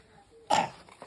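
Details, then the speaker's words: Young girl with a cough who refuses to take her medicine, while playing with paper cutting: a single brief cough burst in a quiet room. "lagi batuk tapi enggak mau minum obat guys"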